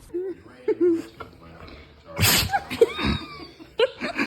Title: Dogs sneezing like crazy #funnydogs #furbaby #petparent #dogmom #usa